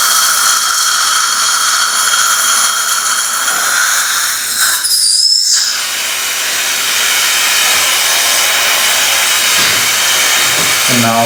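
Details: A loud, hissing high-pitched dental surgical drill whine runs almost continuously, broken by a short pause midway, with water spray noise throughout, during implant site preparation for immediate implant placement in the aesthetic zone after a fractured tooth.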